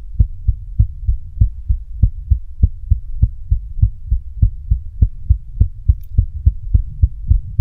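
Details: Female heartbeat with a visibly, strongly throbbing neck pulse: strong, steady heartbeat of about 100 beats a minute, each beat a clear lub-dub thump.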